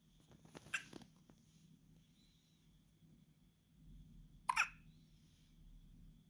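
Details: Newborn baby a few days old hiccuping: two brief, sharp little catches about four seconds apart over quiet room hum; normal newborn hiccups.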